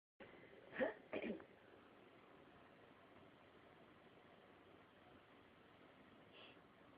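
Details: Two short, sharp cough bursts close together, then a faint third one, from a cat in a quiet room; the owner says the cat coughs along when the owner coughs: cat cough.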